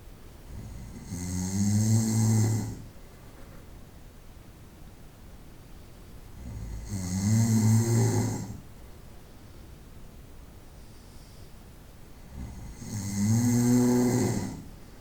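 Loud, rattling snores on each breath in, about 10 a minute, with quiet pauses between them; ordinary snoring.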